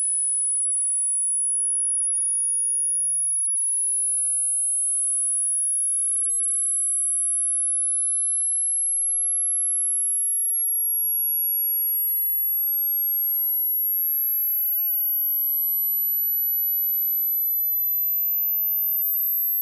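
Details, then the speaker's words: Tinnitus pitch-matching sweep: a steady pure tone slowly rising through 100 Hz to 16,000 Hz for matching tonal tinnitus pitch; the highest part may be hard to hear. "up next you will hear a frequency sweep beginning at 100 Herz and gradually increasing to, 1600 HZ to get the most accurate experience I recommend using high quality headphones or speakers"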